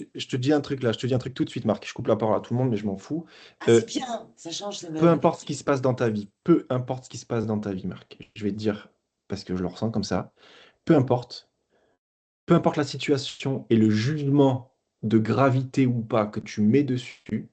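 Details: Adult man speaking; Normal speech.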